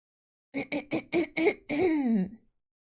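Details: Woman repeatedly clearing her throat in five quick voiced bursts, then a short hummed sound: throat clearing.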